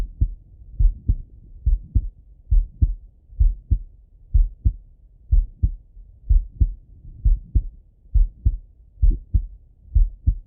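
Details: Male heart auscultation with a stethoscope, recorded either sitting at a desk or lying in bed; steady lub-dub at about 65 beats a minute, crisp sounds with quiet gaps; normal heart sounds.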